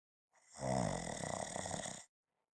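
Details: Single loud, rattling snore under two seconds with a fluttering vibration through the breath; snoring.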